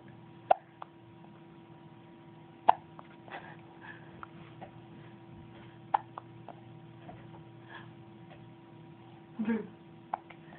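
Short, sharp clicking hiccups from a dog, about four or five in ten seconds, over a steady hum.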